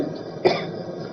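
One short cough-like burst with throat clearing from an adult man, heard over faint background hum.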